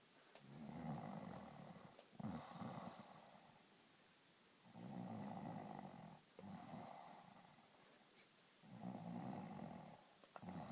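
Steady rhythmic snoring from a sleeping dog, each long rattling breath in followed by a softer breath out, about 14 breaths a minute.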